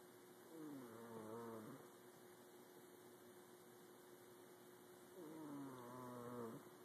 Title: Cat snoring